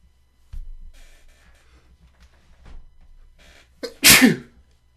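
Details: Typical morning with coughing and sniffling: a few quiet breaths and sniffs, then a short catch of breath and one loud, explosive sneeze.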